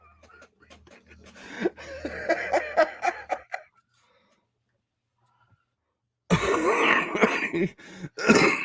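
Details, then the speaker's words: Adult who says he has had a smoker's cough all day for no reason gives bursts of harsh, rattly coughing and throat clearing with silent pauses: smoker's cough. "yeah I'm already feeling like I got a smoker's cough"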